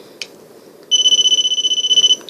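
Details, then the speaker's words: Rapid high-pitched electronic beeping, about eight pulses a second, over faint room noise: a home TPN infusion pump, shown by a gastroparesis patient, alarming because no cassette is loaded and hard to turn off. "it doesn't like to be on when there's no cassette in and it's very hard to turn it off when there's no cassette in um so it's annoying"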